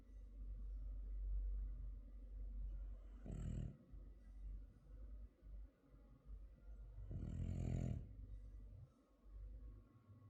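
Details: Frenchton dog snoring: low, rumbling breathing with two louder snorting snores several seconds apart.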